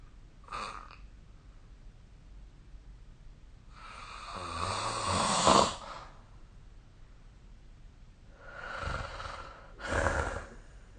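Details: Snoring recorded during sleep with the SnoreLab phone app: quiet sleep breathing with one rough, rattling inward snore and several softer breathy breaths.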